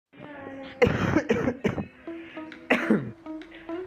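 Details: Student ill with fever and cough gives several short, harsh cough bursts over soft background music.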